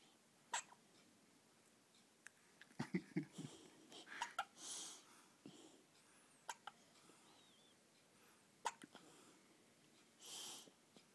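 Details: A 3-day-old baby: several brief, sharp catches of breath spaced a few seconds apart in a quiet room; infant hiccups.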